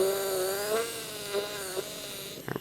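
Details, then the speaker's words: Steady high-pitched whine with pitch dips under load, then brief clicks: a 1.6 mm implant drill with 12 mm stop cutting a guided mandibular osteotomy through an Anatomage guide, benchtop simulation for Zest LODI 2.9x12 mm implants. "so now I'm going to take again my 1.6mm diameter drill with the 12mm drill stop holding in place in finding my initial 1.2mm osteotomy keeping my osteotomy drill as parallel as possible and allowing the insert to cause guidance once it gets"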